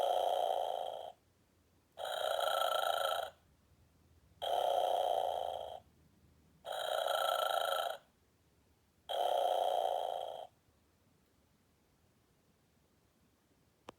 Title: Sleeping Snoring Santa and Polar Bear Plush